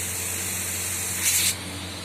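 Steady airy hiss with a brief louder spray burst; a nebulizer running off an oxygen concentrator.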